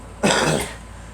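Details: A child, a girl, gives a single short, harsh cough lasting about half a second.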